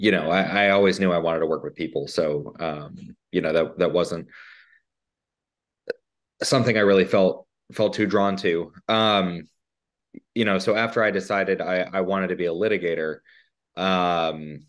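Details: Adult panelist who stutters and chose to become a litigator; stuttering.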